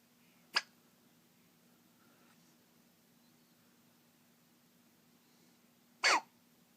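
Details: Little squeak hiccups that happen every time after eating: two short, sharp squeaks several seconds apart in a quiet room.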